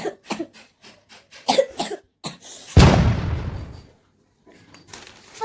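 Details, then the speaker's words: A daughter's acted cough while she has a cold: a run of short, quick coughs, then a louder burst that fades slowly, in a small room. "কে রে ঝুড়ি কাশি কেন বাবা"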